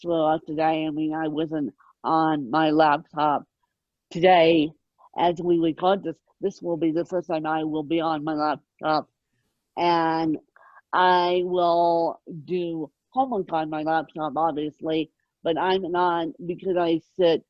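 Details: Adult woman born with moderate ataxic cerebral palsy, mid-spectrum, caused by lack of oxygen at birth, needing 24-hour care; dysarthria in ataxic cerebral palsy.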